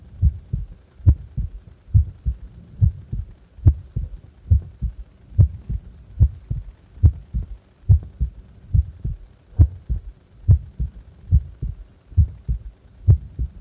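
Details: Steady heartbeat at rest doing nothing, about 70 beats a minute, with clear paired lub-dub thumps and no extra sounds; normal heart sounds.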